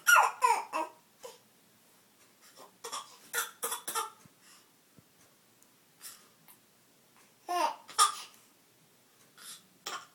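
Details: A young child makes short, deliberate fake cough bursts for attention, with voiced, playful sounds between them; a voluntary cough, not an illness cough.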